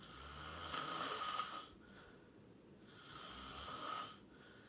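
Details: Loud sleep snoring: two long, hissing, rasping breaths in about five seconds, a snore with each breath.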